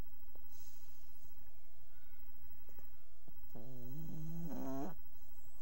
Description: You can't see very much of anything, but I was trying to capture the snoring sounds without waking her up.